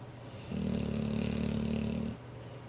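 One loud, buzzing, rattling snore on a breath lasting under two seconds, over quiet room noise.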